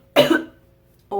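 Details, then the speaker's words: Single short, harsh, dry-sounding cough fading over about half a second, demonstrated by a person who has had a cough for eight days. "the only good thing about having a cough is the muscles that it works out I'm seriously getting the core training of a lifetime here rock-hard ABS here I come"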